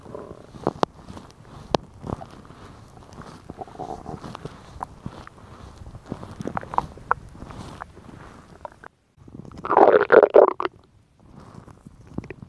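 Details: Woman's stomach recorded for ASMR: soft gurgles and irregular clicks with a louder rumbling burst; ordinary stomach growling from gas and fluid moving through the gut.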